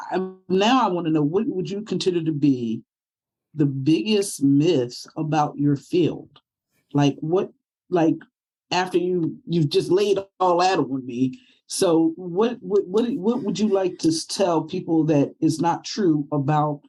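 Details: Stroke survivor with aphasia from brain damage after stroke, speaking in a podcast conversation; aphasia.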